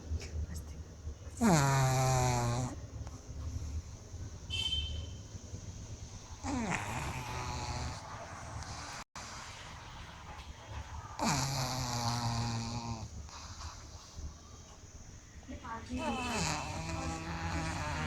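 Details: Loud, rough, rattling breaths about every five seconds during sleep, with steady room noise between; snoring.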